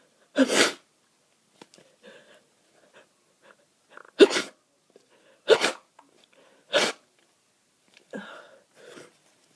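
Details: Adult with a cold caught from a partner, very stuffed up and snotty, sneezing nearly nonstop for 30 minutes after waking; four forceful sneezes with sniffing and wet nasal breaths between, then a softer stifled sneeze.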